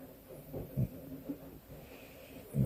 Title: Can we normalise snoring with our eyes open?